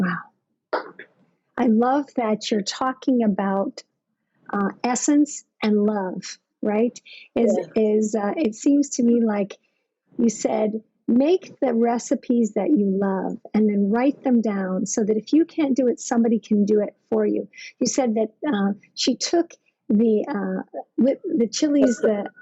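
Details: Adult speaker (host); normal speech.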